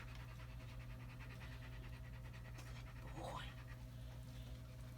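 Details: Older German Shepherd losing rear-leg strength, with left cervical and hindquarter atrophy, pants with rapid rhythmic open-mouth breaths over steady room hum during a chiropractic atlas adjustment.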